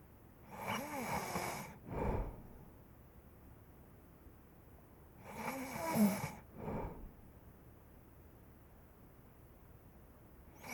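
Two rough, rattling snores on the in-breath, each followed by a short snort-like exhale, with quiet pauses between; slow breathing during sleep.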